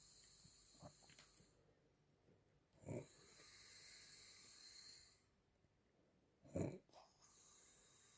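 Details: Grandmother snoring while asleep: two short, rough snorts about four seconds apart, with hissy breathing between and room noise.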